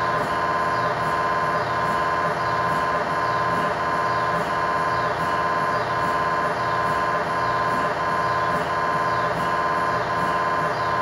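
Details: MRI tibia/fibula (lower leg) test scan in a controlled environment, using a GE high-definition lower-extremity coil (stated as 8- or 16-channel): loud, steady, rhythmic electronic buzzing and knocking; normal scanner operating noise.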